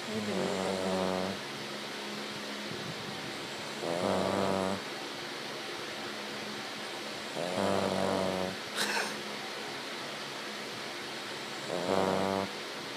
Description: Our child, a 6 year old King Charles Cavalier Spaniel, snores ALL the time.